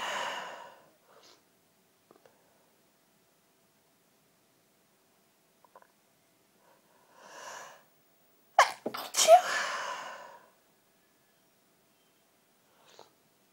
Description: Sneezing fit to wish someone Happy Birthday....